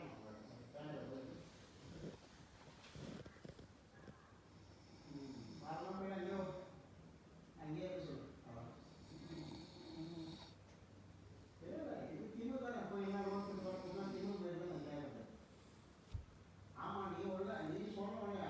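Loud, rough, rattling breaths repeating slowly during sleep; snoring.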